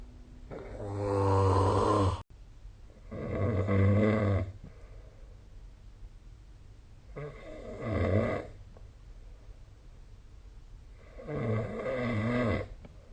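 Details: Snoring sound recorded with the SnoreLab app: deep, loud, vibrating snores, about eighteen breaths a minute, with quiet pauses between; snoring.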